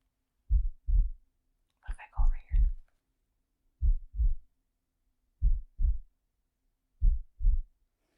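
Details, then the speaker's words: Simulated ASMR roleplay: stethoscope on the speaker's own chest, soft low paired lub-dub thumps, about 37 cycles a minute counted, with a brief rustle of handling; ordinary heartbeat. "here you can listen to my heartbeat ready can you hear"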